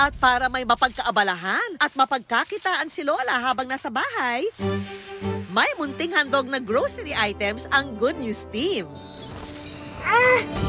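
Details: Adult narrator speaking Tagalog over background music; normal speech.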